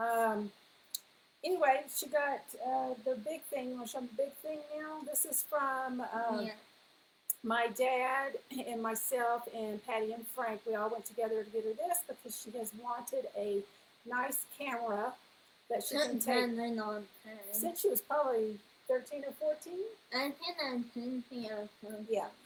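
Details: Young female speaker; ordinary speech.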